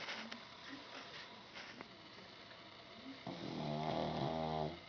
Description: Our pug while sleeping... Loud snoring! / Notre carlin pendant qu'il dort... Et son ronflement bruyant!